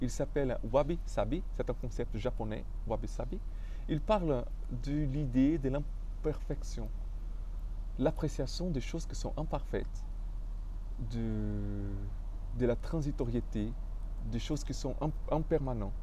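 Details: Stuttering in an adult man speaking French, who describes his stuttering as having blocked him from expressing himself fully.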